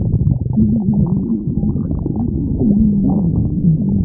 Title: Stomach growl